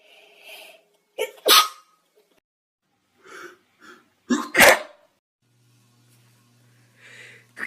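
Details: An adult sneezes twice in sharp explosive bursts, each preceded by a quick inhaled catch; sneezing.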